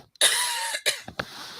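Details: Adult with a cold and blocked nose, coughing during a live stream: one harsh, strained cough followed by two shorter coughs.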